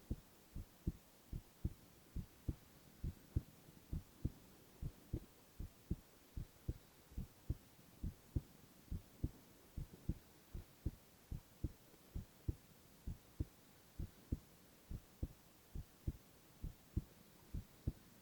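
Steady, regular heartbeat of soft paired thumps at about 130 a minute under a low hum; normal heart sounds.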